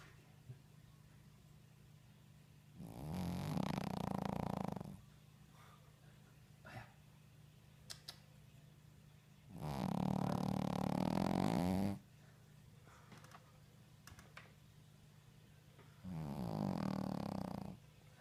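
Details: Sleeping Shih Tzu snoring loudly, with three long rattling breaths in about 18 seconds.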